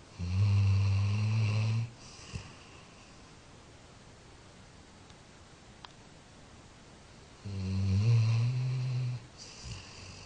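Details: Snoring in a 13-year-old Labrador sleeping and dreaming: two long, low, buzzing snores separated by quiet pauses.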